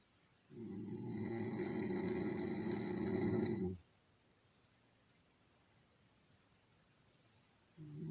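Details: One long, rough, low-pitched rattling snore lasting about three seconds, then a quiet pause before the next snore begins: typical snoring.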